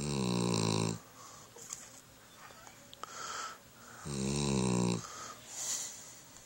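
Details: Sleeping Shepherd dog snoring: two loud, rattling inhaled snores about four seconds apart with quiet breathing between, ordinary snoring.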